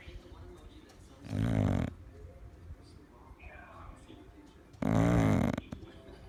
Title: Loudest snoring dog